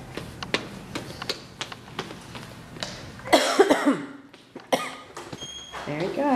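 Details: Two loud, harsh cough bursts from the adult filming as a child walks into daycare for the first time, over quiet footsteps and the child's voice: repeated coughing.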